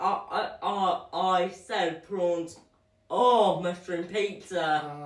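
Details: Dysarthric speech in a 12-year-old boy, born prematurely at 28 weeks, with spastic quadriplegic cerebral palsy; doctors predicted he would never talk.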